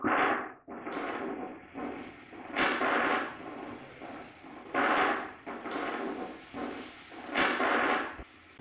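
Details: Myokymic discharges on needle EMG: crackling static rising into loud complex grouped bursts every two to three seconds, a rhythmic marching-soldiers pattern of grouped repetitive single motor unit discharges.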